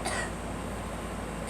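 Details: Girl coughing: a single short, sharp cough burst, followed by quiet room noise.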